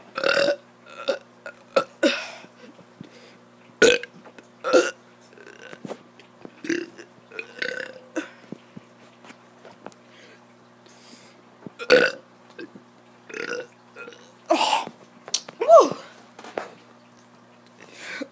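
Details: A child burping on purpose: repeated voiced belches of varying length and pitch, many in quick succession, over a steady background hum; burping.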